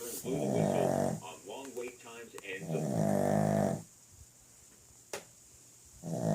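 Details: Sleeping dog snoring loudly: two long, buzzy, throaty snores about three seconds apart with short snorts between, in a quiet room.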